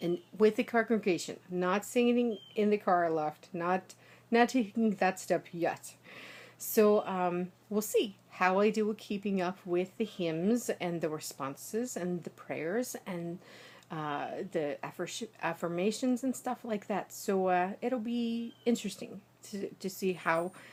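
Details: Adult woman, native American English speaker, with foreign accent syndrome from a small ischemic stroke, recorded 6 days after onset; initially a heavy Russian accent, now lighter Eastern European, shifting to Irish when emotional; also has trouble with consonant clusters.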